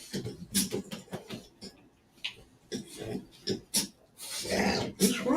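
Irregular, pig-like snorts and grunting breaths from a small bulldog-type dog, with room noise; noisy, obstructed-sounding breathing.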